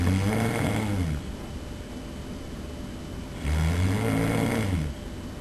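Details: Loud, low rattling snoring during sleep, filmed by the snorer's roommate: two snores on slow breaths separated by a quiet pause.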